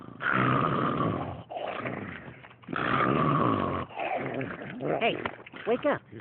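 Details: Long, exaggerated cartoon snores with whistling breaths out, from a Looney Tunes animated cartoon, not a real sleeper; simulated snoring.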